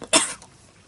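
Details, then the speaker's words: Single short, harsh cough from a person with longstanding asthma that has recently worsened, leaving them barely able to speak. "もともと体質的に喘息も持っているんですが、ちょっとこの度、さらに調子を悪くしてしまいまして、良くなるまでちょっとお休みしようかと思います。"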